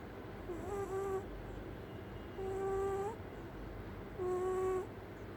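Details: Sleeping Persian red cat, possibly dreaming, gives soft, whistling snores about every two seconds; normal sleep snoring.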